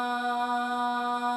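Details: Normal voice sample recorded for MDVP acoustic analysis, with all parameters within the normal range; normal voice.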